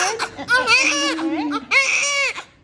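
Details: Newborn just after a smooth normal vaginal delivery handled by a midwife, eyes open: strong, loud cries with a clear voice and vigorous bursts, a normal healthy newborn cry.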